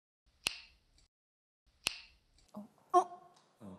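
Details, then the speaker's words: Knee joint sounds while bending the knee: two sharp, brief pops from pressure change as the joint moves, common and harmless, benign knee popping (cavitation), not arthritis. "It's common for most people to hear the first sound. The first is the sound caused by the pressure change that occurs when the knee joint moves. So you don't have to worry"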